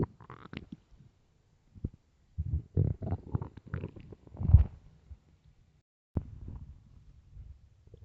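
Low, gurgling rumbles in bursts from an empty stomach; normal hunger-related bowel sounds.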